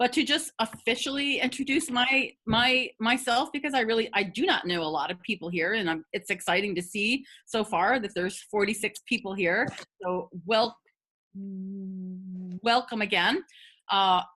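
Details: Adult woman who has stuttered for 50 years; stuttering.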